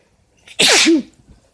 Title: Bf sneezes allergies or cold? (M)